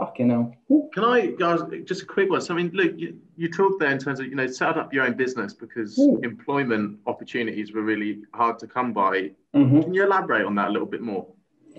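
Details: Adult male speaker; typical speech.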